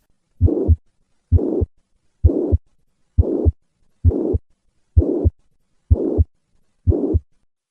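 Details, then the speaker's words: Mitral regurgitation heard during handgrip maneuver, which increases the murmur: regular heart sounds near 65 a minute with a loud holosystolic blowing murmur of constant intensity. "my tritation will increase in response to hand grip maneuver listen to the change in this murmur with a hand grip maneuver"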